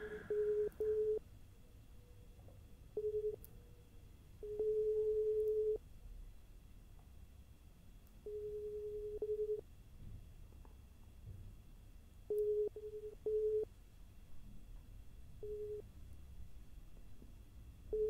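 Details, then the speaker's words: Simulated ASMR hearing test, listener asked to report beeps heard in the left, right or both ears: short steady mid-pitched pure-tone beeps, single or paired, with quiet gaps over a faint room hum. "so first thing I'm going to do is the beep test I'm going to be playing some beeps I'm going to need you to tell me whether you hear them to the left to the right or in both ears"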